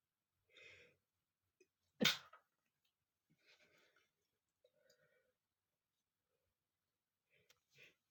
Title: male sneezing #36 (First I called a sneeze with a piece of paper, and then sneeze and sneeze ! )